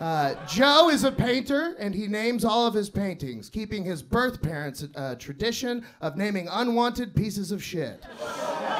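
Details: Adult man speaking to a live audience; Ordinary speech.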